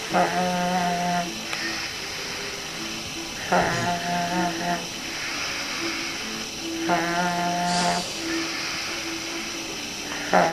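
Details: Person snoring: rhythmic buzzing snores about every three and a half seconds, roughly 18 breaths a minute, over a steady background hum.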